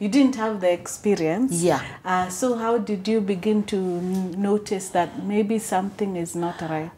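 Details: Adult woman speaking; typical speech.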